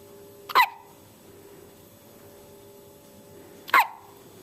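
Two sharp, brief hiccups about three seconds apart in a quiet room.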